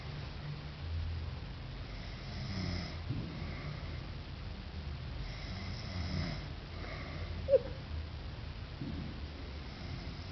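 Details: Frank asleep during a comedy film: soft, low snoring breaths against room noise, with a brief sharp sound partway; mild ordinary snoring.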